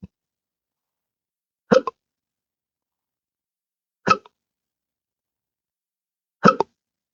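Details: Adult with intractable hiccups since December 2015 after surgery with multiple nerve damage: three abrupt voiced hiccups about every two and a half seconds, some with a short double catch.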